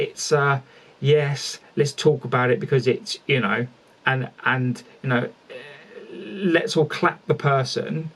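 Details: Adult male speaker; stuttering.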